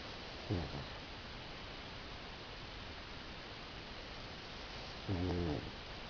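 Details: Napping pugs: two low, rumbling snores several seconds apart over steady background hiss, from sleeping flat-faced dogs; snoring.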